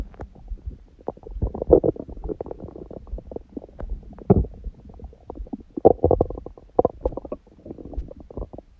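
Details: Bowel sounds from the belly after a large meal eaten after fasting and after abdominal exercise; frequent, irregular, continuous gurgles, squelches and low rumbles, active bowel sounds of normal digestion.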